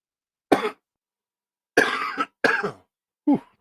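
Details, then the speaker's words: Four separate cough bursts from an adult man with a common cold who tested negative for COVID; the cough is described as brutal. "oh there come the coughs see you guys hear it there it's brutal but oh I'm gonna have to cut this thing off short here guys"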